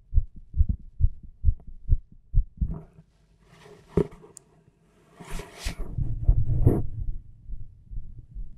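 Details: Own recorded heart and stomach sounds: steady low heartbeat thumps at first, roughly 130 a minute, then rustling and handling noise.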